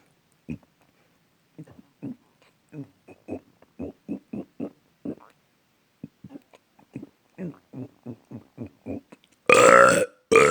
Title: Lots Of Burps 2